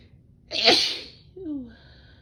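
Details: Female with pollen-sensitive nose, sneezing despite allergy medicine: one explosive, hissing sneeze followed by a brief voiced sigh.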